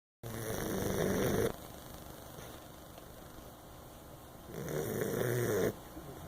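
Two long, rattling inhaled snores about four seconds apart with quiet breathing between; ordinary snoring in a sleeping dog.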